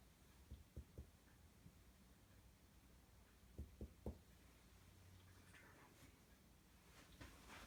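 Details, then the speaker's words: Normal resonant percussion note: two sets of three soft finger taps on the chest between the ribs, each giving a low, hollow resonant note over healthy lung, performed by a student nurse during a thorax and lung assessment. "I'm going to do some percussions and I'm just going to I'm just going to be laying my finger there and I'm going to just be tapping and want I hear is like a resonance sound it's going to be a doll sound it's going to be like a hollow sound because I'm going to be in between uh his rib cage"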